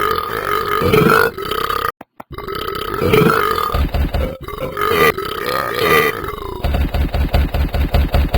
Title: does a world record part 4: the burps